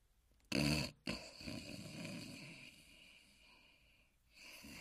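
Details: A sleeping dog snoring: a loud snorting inhalation followed by softer noisy breathing.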